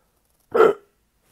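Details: Persistent, exhausting hiccups in a person a week after travel, diagnosed with a serious bacterial infection, unrelieved by home remedies: a single abrupt voiced hiccup, a brief sharp 'hic' in silence.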